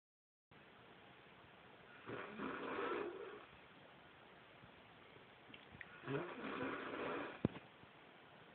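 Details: Light snoring in sleep: two soft, breathy, rasping snores about four seconds apart over a steady background hiss.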